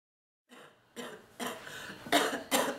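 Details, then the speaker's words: Run of about five harsh, barking coughs in quick succession, a coughing fit in an ill woman with non-stop cough who is still fighting off the illness and says her back hurts badly from coughing. "I'm still trying to fight this thing off it's not that easy though oh my back thank you my back hurts so bad from coughing"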